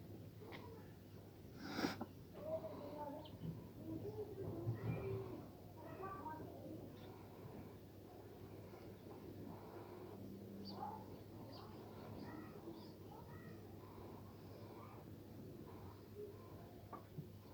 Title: Funny sheep videos |Poor Sheep sneezing videos | sheep suffering |cute animals